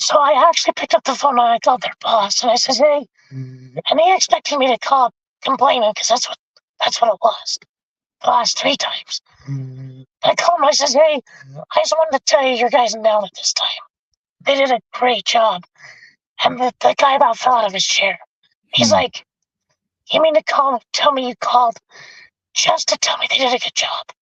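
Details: Adult male with vocal fold paralysis from a four-wheeler accident at age 25 that split his trachea and tore his oesophagus; had a tracheostomy removed after two months, scope still shows paralysed cords; has spoken this way for over 25 years.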